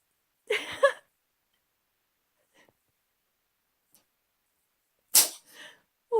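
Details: Trying to sneeze: two sharp, breathy sneeze bursts about four seconds apart, with near silence between them.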